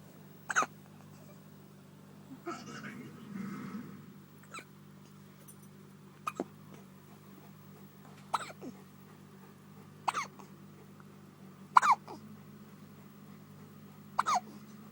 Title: Baby Hiccups